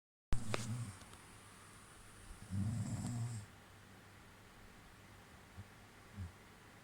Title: girl friend snoring her head off y am watching horror hahaha